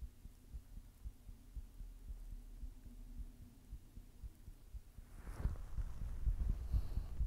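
Faint, quick low thumps of a heartbeat under steady hum; handling noise grows louder near the end.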